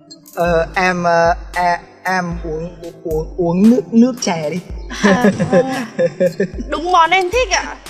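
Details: Stuttering, acted in a Vietnamese comedy skit by a young man repeating words ('uống uống uống', 'nước nước').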